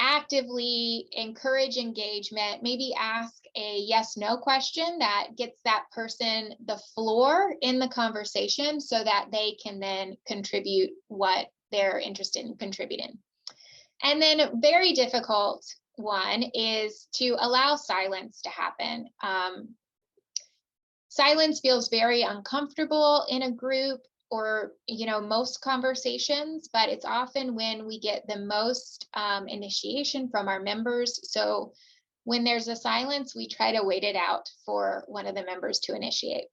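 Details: Adult woman speaking; typical speech.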